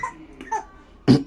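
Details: Baby's single short, abrupt cough, preceded by faint soft vocal sounds.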